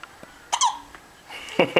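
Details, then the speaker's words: Infant girl with hiccups, comfortable and smiling after her shower: sudden short voiced catches of breath, repeating; hiccups. "Somebody has the hiccups."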